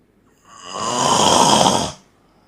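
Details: Man sleeping at an event, snoring louder than a phone alarm: one loud, harsh, rattling inhaled snore lasting over a second, rising and fading; heavy snoring during sleep.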